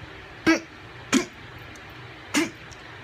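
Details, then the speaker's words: Vocal tics in a person with Tourette's syndrome, who often does not notice them until told: three brief, abrupt nasal cough-like bursts at irregular intervals. "some people don't know that they're happening for instance with my vocal tics I won't notice until someone pointed out to me or until I see it on video"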